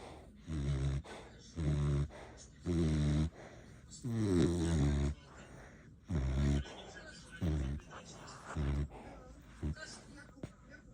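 Loud, regular, deep rattling snores, about one every second or so, with soft breaths between; snoring.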